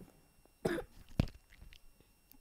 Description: I was sick when i recorded this so yeah sorry in advance for any coughing during the video